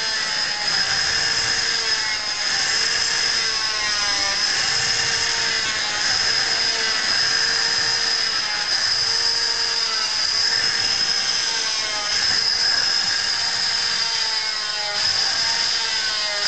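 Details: Oscillating cast cutter cutting away part of a foot/ankle cast to remove a boot, subject wearing sock and guard; loud steady high-pitched whine with faint rhythmic pitch wavering from repeated pushes into casting material.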